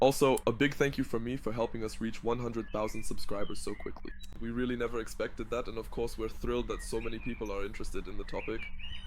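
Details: Adult male speaker; normal speech.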